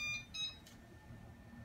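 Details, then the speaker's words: Two brief high-pitched alarm tones, then room hum: a heated humidifier disconnection alarm during neonatal high-flow nasal cannula setup, before the proximal temperature probe is plugged into the circuit. "it's alarming that means we have something either hooked up wrong or not hooked up at all"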